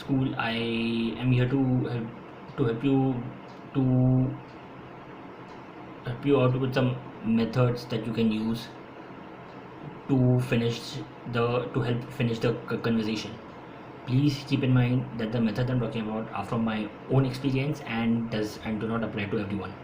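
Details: Adult man who has stammered since school and says he stammers more when speaking faster; his own speech, with repetitions: stuttering.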